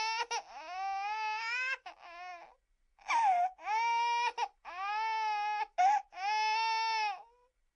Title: Human, Baby - Crying Sound Effects